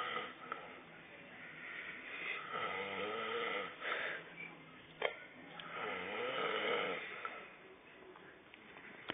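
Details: Adult man asleep on a sofa after heavy drinking; repeated rasping, slightly whistling snores with each breath in a quiet room; snoring.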